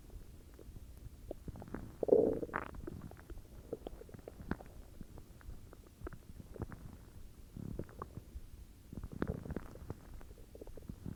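Low gurgling and rumbling with scattered crackly pops over several seconds: ordinary stomach growling from gas and fluid moving through the gut.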